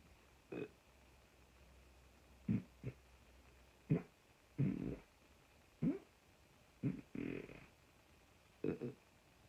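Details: About nine short, low, throaty bursts, some drawn out, in a quiet room; repeated burps produced on command.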